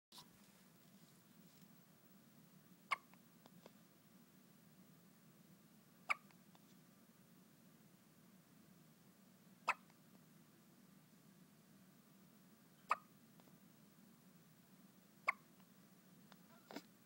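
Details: Six sharp, brief hiccup clicks at steady spacing of about three seconds, roughly 20 a minute, over quiet room hum; an individual's first hiccups.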